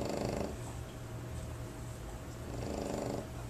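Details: French Bulldog, a flat-faced dog, asleep: low, rattling, rumbling breath noise continuing through breathing in and out; snoring.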